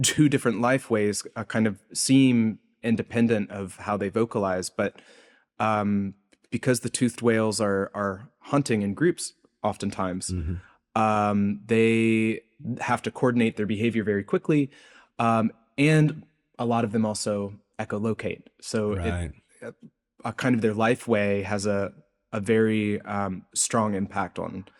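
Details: Adult male postdoctoral researcher, self-reported speech impediment audible throughout an interview; this stretch has word repetitions; stuttering-like disfluency (word repetitions).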